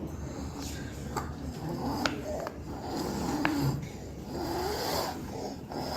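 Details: Noisy, harsh breathing from a toddler with subglottic stenosis, with repeated high-pitched crowing tones; onset around 6 months, unlike laryngomalacia: stridor from a narrowed upper airway.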